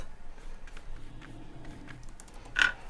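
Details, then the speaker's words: Soft, low, rumbling snore from a dog sleeping under a table, with faint brush clicks and quiet room noise. "you can hear my dog snoring he's right under Matthew's table we have two dogs as a studio audience today"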